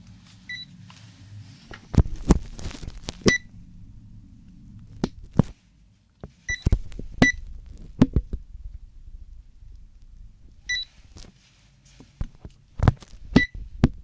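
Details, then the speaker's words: Role-played ASMR hospital check-up of a patient with a cold, blocked ears and swollen tonsils. Short electronic beeps with soft handling clicks from a digital thermometer taking the patient's temperature, which reads normal, before listening to the heart. "Înainte de a-ți asculta bătăile inimii, îți voi lua mai întâi temperatura. Temperatura corpului nu ar trebui să fie ridicată~ Voi lua temperatura pacientului~"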